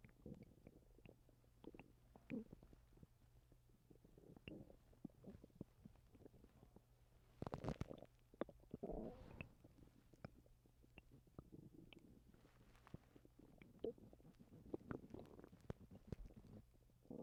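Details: Stomach noises from a person recently sick with vomiting: quiet, irregular gurgles and clicks with a few louder rumbling bursts over a steady low hum.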